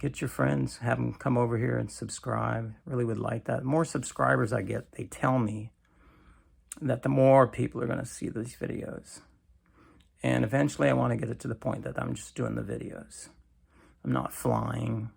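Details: Adult man with cancer and a bile duct stent that his doctor says needs clearing more often; creaky voice (vocal fry) lacking strength, which he says is typically worse in the morning.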